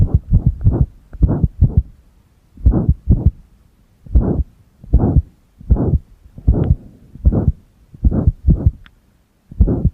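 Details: Pressed-heart recording with single-lead ECG in use: low, muffled heart sounds with uneven spacing, some beats close together, others after long pauses; irregular heartbeat (arrhythmia).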